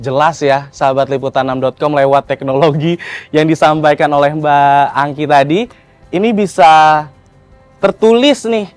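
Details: Adult male speaker; Normal adult speech.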